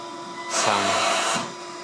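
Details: One cycle of a Korean Comfort Cough II mechanical insufflation-exsufflation device: a rising blower rush of about a second, then a second phase and stop. Auto mode, pressures up to -70/+70 cmH2O, oscillation on inhalation, no synchronization with patient breathing.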